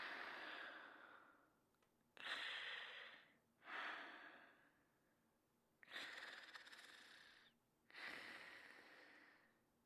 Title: Fafa's Greatest Adventures (1988-1989): Brandon Sleeping and Snoring